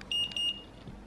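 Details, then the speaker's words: Omnipod insulin pump pod of a child with type 1 diabetes, filled with insulin by syringe: two quick high-pitched beeps confirming the pod is filled. "and there you go that means yay D's all in there"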